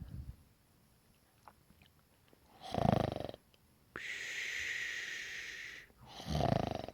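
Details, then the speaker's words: Snoring, presented in the context of obstructive sleep apnea, in which loud snoring, shallow breathing during sleep and breathing pauses over 10 seconds occur. "menschen die an einer obstruktiven schlafapnoe leiden meist sehr laut haben während des schlafens eine flache atmung und sind am nächsten morgen unausgeschlafen"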